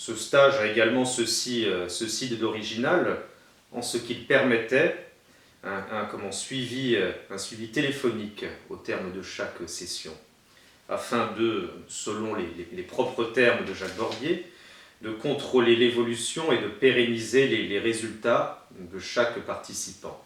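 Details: Stuttering in a French-speaking man who attended a stuttering therapy course in Dijon in 2005, about fifteen years earlier, and still uses some of its techniques; stuttering.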